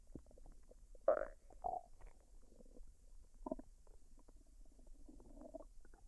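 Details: Female recording her own stomach while digesting a dinner of fried rice and duck, unedited with no added sounds: soft irregular gurgles and squelches with a few louder bubbling pops, normal bowel sounds (borborygmi).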